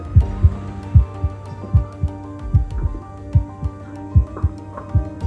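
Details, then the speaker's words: Normal heart sounds via a low-cost 3D-printed digital stethoscope with microphone connected to a smartphone app; paired low thumps about 75 beats a minute, played through a speaker over a musical background. "And you start the app, and you can start listening to your heartbeat."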